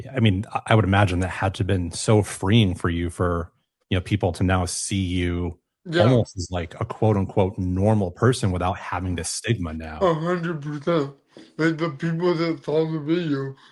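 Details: Adult male podcast host, with a second speaker replying briefly; typical speech.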